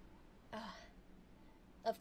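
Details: Two brief throat-clearing sounds in a quiet room, recorded with a 3Dio binaural microphone during an ASMR roleplay; an ordinary throat clear.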